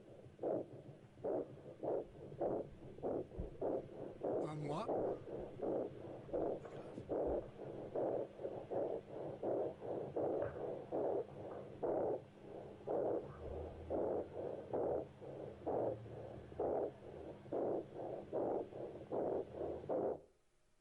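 Rapid, regular infant breathing with both inhale and exhale clearly audible, slightly harsh tubular quality: normal infant breath sounds with bronchial character.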